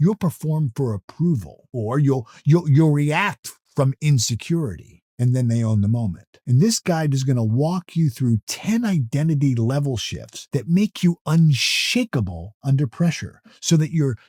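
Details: Adult male motivational speaker who self-reports stuttering or stammering; natural speech with word repetitions; finding: stuttering.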